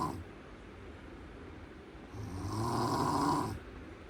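A single loud, rough snore on an in-breath after quiet breathing; snoring from throat tissue vibrating during sleep.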